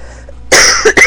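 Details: Adult woman who has been sick and not recovering for some time: a quiet room, then a loud, harsh cough followed by two more quick bursts, three coughs in about half a second.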